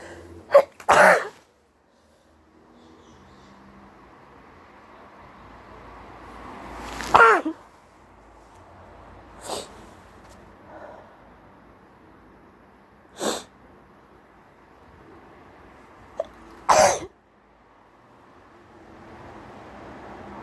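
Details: Hay fever sneezing while sitting outside in very high pollen levels: five sharp, explosive sneezes over twenty seconds with quiet pauses; person suspects a cold starting and next day had a very sore throat, aches and chills.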